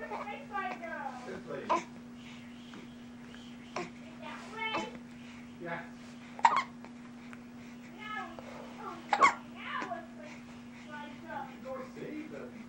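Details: Baby in the morning with hiccups: short, abrupt hiccup sounds at irregular intervals mixed with soft babbling, over a steady background hum.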